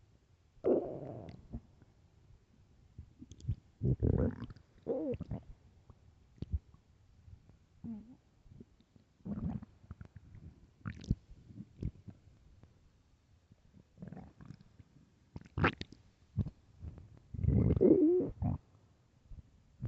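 Irregular low gurgling and rumbling bursts, some drawn out and squeaky. Loud stomach growling from hunger, normal bowel sounds.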